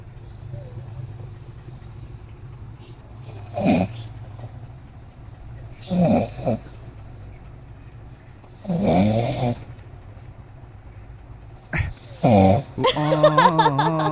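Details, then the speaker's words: Four loud, rough snores about every three seconds from an adult woman sleeping at midday while unwell, with laughter at the end. "আর আজকে আমি দেখাবো যে আমার বউ কিভাবে এখন নাক ডাকাচ্ছে"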